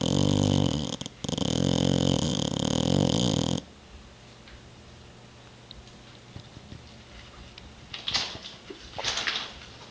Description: Bubba, the Boxer, snoozes away on a Sunday evening, west of the Rockies.